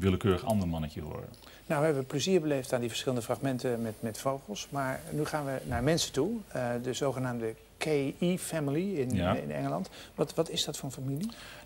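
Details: Adult male speaker; normal fluent speech.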